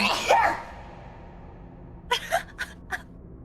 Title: who somehow echoed the so big sneeze, and who laughed at it【hololive-en】